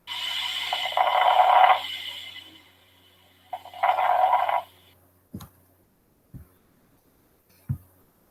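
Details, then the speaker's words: Crackles (formerly called rales), discontinuous and discrete, heard mostly during inspiration, as in pneumonia or pulmonary edema; two rough crackling breath sounds followed by a few dull thumps. "los crepitantes que anteriormente se llamaban estertores son ruidos que se que se escucha más que todo durante la inspiración y pueden ser discontinuos y discretos estos pueden estar presentes en neumonía y en un edema de pulmón"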